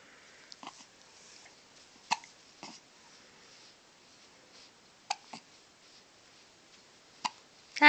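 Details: An infant, hiccuping for about the tenth time that day, makes brief, sharp hiccup sounds, about six over eight seconds, in a quiet room: hiccups.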